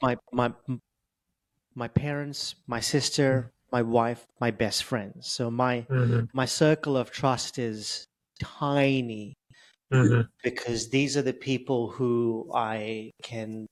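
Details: Adult male with stuttering since age 10, reporting blocks, prolongations and repetitions; word repetitions heard here; stuttering.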